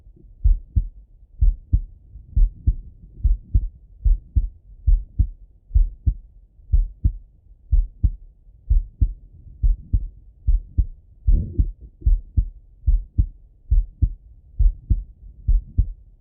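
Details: Male heart auscultated with a stethoscope, recorded partly sitting at a desk and partly lying in bed: clear lub-dub at about 71 beats a minute, steady rhythm; normal heart sounds.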